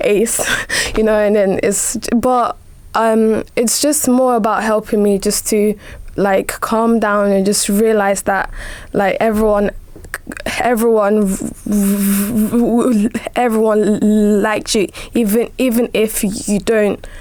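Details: 17-year-old female with a stammer who received help from a specialist children's stammering service; stammering.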